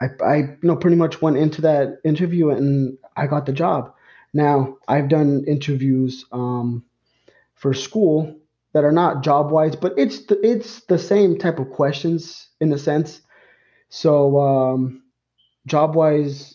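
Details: Adult man who stutters, speaking English as a podcast host; he describes blocks and repetitions in his own speech; stuttering.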